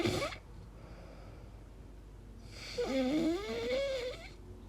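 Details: Person's own weird sleep noises, questioning snoring or sleep apnea: a short snort, then a long rising, whistling, wavering noise on one breath in a quiet room; unusual snoring during sleep.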